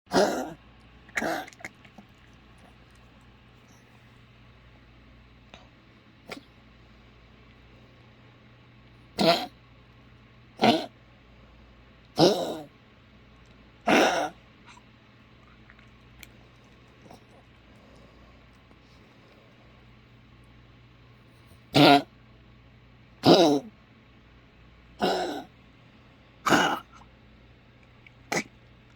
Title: cough @